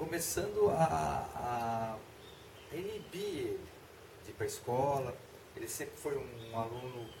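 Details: Adult man speaking Portuguese; Normal adult speech.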